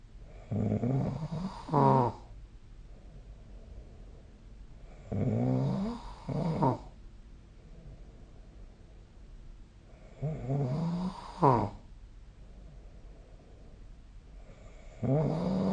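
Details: Snoring recorded with the SnoreLab smartphone app: rough snores on each breath in, ending in a short snort, about 12 breaths a minute, over faint room hum; steady snoring.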